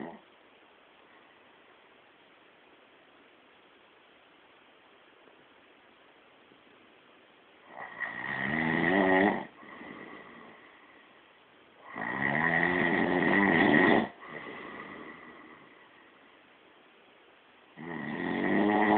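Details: Sleep snoring: after a quiet stretch, loud rough snores come with each breath, about three in the clip, with softer breath sounds between them.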